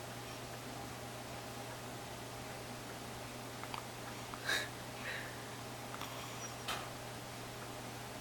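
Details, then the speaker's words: A baby boy, sleepy after feeding, gives a few soft, abrupt hiccups over a steady room hum; ordinary short-lived infant hiccups. "little boy's got the hiccups"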